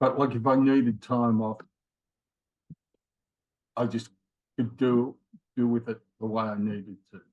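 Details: Mild aphasia with word-finding pauses in a man in his late 50s after a left-sided ischemic stroke in January 2020; word-finding trouble worsens with fatigue; history of two heart attacks and rheumatoid arthritis.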